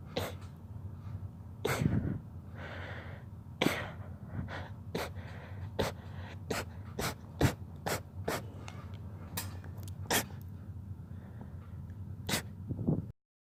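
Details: Rapid sneezing fit: a run of about a dozen short, sharp sneezes, with quick breaths between them.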